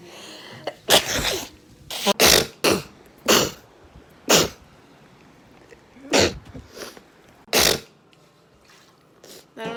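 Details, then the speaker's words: Repeated sneezing during allergy season: about seven to eight sharp, explosive sneezes in quick succession, with quiet gaps between them. "okay just gonna sneeze oh yeah i try it's hard"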